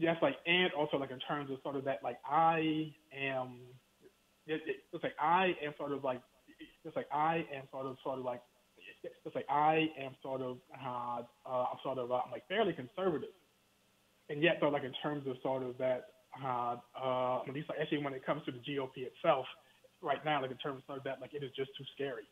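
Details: Stuttering in an adult male professor speaking in a phone interview, who has told the host that he stutters.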